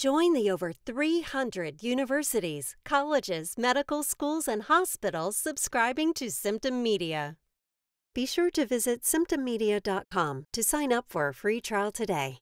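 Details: Adult female narrator; normal speech.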